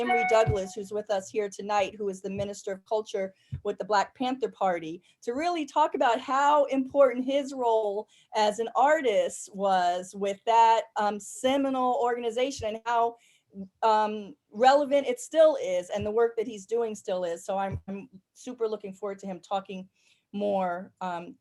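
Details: Adult woman speaking; no disorder.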